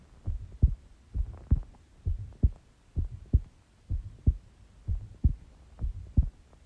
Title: Shortish heartbeat recording